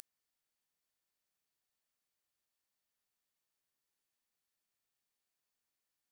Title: 13500Hz Tinnitus Ringing Sound - Masking Sound, Pure Tone, Sine Wave